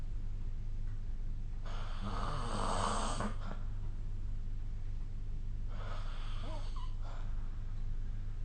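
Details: Ordinary snoring during sleep, recorded with the SnoreLab phone app: two rough, rattling snores on breathing in, about four seconds apart, over a steady low room hum.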